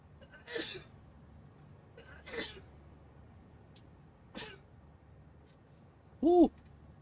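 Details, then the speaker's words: Adult streamer sneezes during a gameplay stream, then jokes "Totally wasn't sneezing." "You guys hear that? Totally wasn't sneezing."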